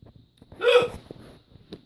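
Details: A person hiccups at the end of a birthday party: a single sharp hiccup with a brief voiced catch, then a softer second hiccup, against quiet room noise; hiccups.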